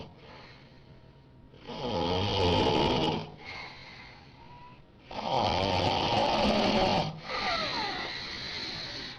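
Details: Loud, rough inspiratory snores with quieter breaths out between, about 16 breaths a minute; very loud ordinary snoring keeping a friend awake.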